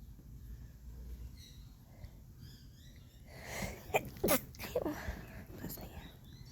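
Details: Outdoors in the Australian bush, a few sharp, breathy sneezes follow a quiet lead-in, with birdsong in the background.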